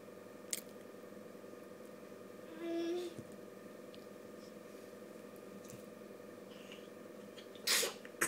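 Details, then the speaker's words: A girl gives a brief high squeal, then a single sharp, explosive sneeze over steady room hum; someone says "bless you" and asks if she is okay; sneezing. "Bless you. Bless you. You okay, baby girl? I'm okay."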